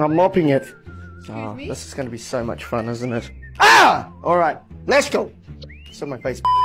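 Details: Involuntary words and phrases interrupting the speech of an adult man with Tourette syndrome; vocal tics (Tourette syndrome).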